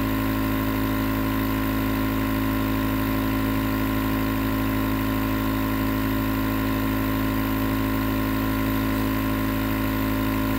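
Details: Nebulizer compressor recorded as 20 minutes of sleep white noise: steady, unbroken motor hum with a faint rattle and no pauses as the nebulizer runs continuously.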